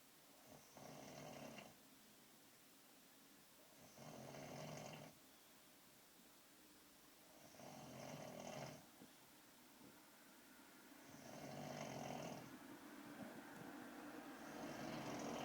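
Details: Soft, regular snores about every three and a half seconds, around 17 breaths a minute, in a quiet room; snoring.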